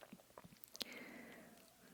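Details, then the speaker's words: Hungry, empty stomach giving borborygmi during talking ASMR: soft clicks, then a long drawn-out gurgle and a louder rumble. "배에서 소리가 더 심하게 나기 전에 오늘은 여기까지만 해야겠어"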